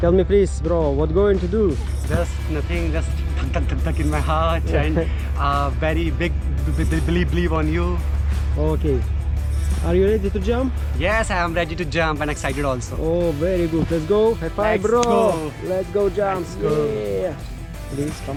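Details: Stuttering with word repetitions in a male Hindi-speaking vlogger who calls himself a stammering speaker.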